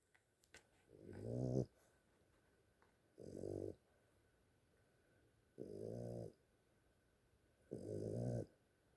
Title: Snores